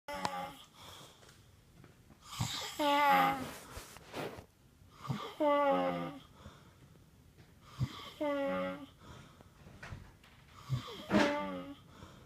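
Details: Snoring: irregular rattling, whistling snores with breathy inhales, about 20 per minute.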